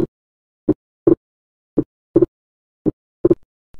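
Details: Physiological splitting of the second heart sound: slow, regular heart sounds at about 55 a minute, S2 split into aortic and pulmonary components, appreciated during inspiration.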